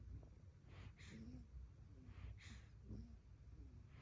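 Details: Sleeping newborn making sucking motions in a dream: soft, regular snuffly breaths with faint snoring against a low background rumble; ordinary noisy newborn sleep breathing and snoring.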